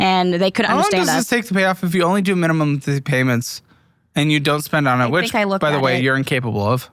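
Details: Adult male speaker; Typical speech.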